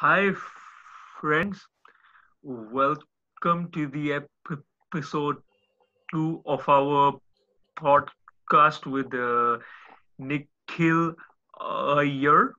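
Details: Adult male speaker; speech.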